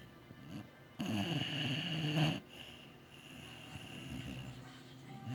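A loud, rough, rattling breath lasting over a second, then quieter breathing with some background noise; dog snoring.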